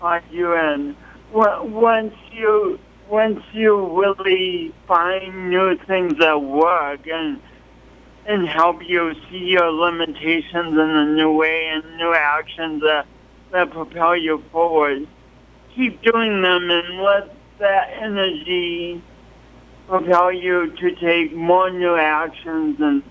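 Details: Adult man with a pronounced speech impediment and coordination awkwardness since an early, traumatic birth with loss of oxygen; speech impediment, probable dysarthria.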